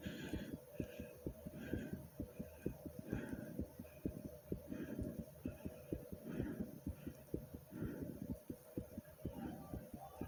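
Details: Own fast heartbeat heard together with breathing sounds.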